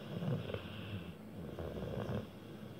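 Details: Bullmastiff sleeping at bedtime, snoring: low, rumbling snore on each breath against faint room noise.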